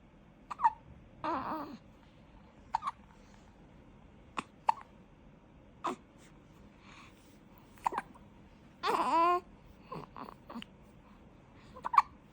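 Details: One-month-old newborn baby with brief sharp hiccup catches every second or two and a few soft vocal sounds in between: infant hiccups.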